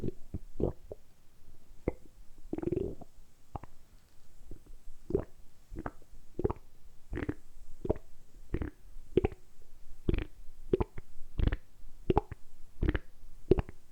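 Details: Deliberately produced stomach rumbling (borborygmi) in a quiet-room, close-up ASMR recording. Repeated short gurgles and squelching pops about once a second, a normal gut sound.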